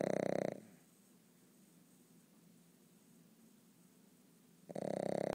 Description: My beloved pug sleeping and snoring away.